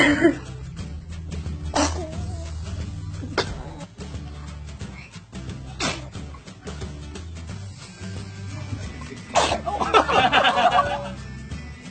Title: Baby's sneezing